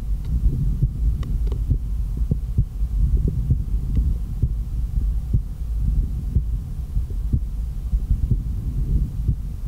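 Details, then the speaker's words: Real heart sounds through the diaphragm of an MDF ProCardial cardiology stethoscope in a quiet room: clear, regular heart sounds at about 60 beats a minute, with a low hum. Normal heart sounds. "the sounds are quite nice. They're amplified clearly, and I do hear the heart sounds very clear."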